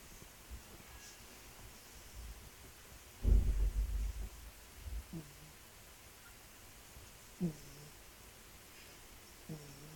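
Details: Sleeping cat snoring.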